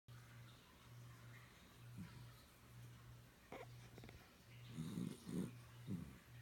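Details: Snoring of Jo-Jo, a puppy, with a pet water fountain audible in the background.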